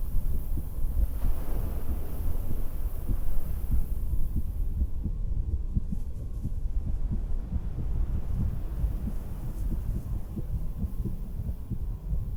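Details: Own heartbeat recorded through a stethoscope while sitting on a beach-house porch: soft, steady, regular heartbeat beneath loud wind and surf rumble; normal heart sounds.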